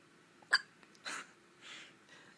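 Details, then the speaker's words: Newborn boy only a couple of days old, in hospital: a sharp, sudden loud hiccup followed by softer breathy catches; newborn hiccups. "poor little boy po baby they're so loud feels like they hurt"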